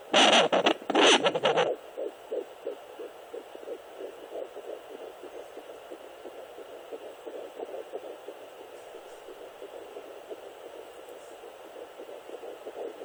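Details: Rapid soft whooshing pulses on a handheld Sonoline B fetal Doppler, a fetal heartbeat at roughly 140 beats a minute at 10 weeks 2 days of pregnancy.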